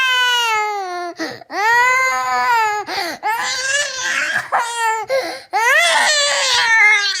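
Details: Child crying during a crying episode of about 8 minutes, adult asking what's the matter and offering juice: loud, high-pitched wailing cry in repeated bursts with sharp catches of breath, over music.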